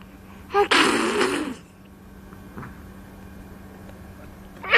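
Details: An adult sneezes while a baby laughs at it: a short noisy inhaled catch, then one loud explosive burst with a breathy tail and a faint room hum, a single sneeze.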